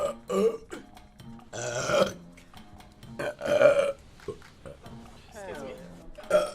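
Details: Burping from a female streamer during live gameplay: several loud, throaty burps between bits of speech and repeated "excuse me", with faint music in the background.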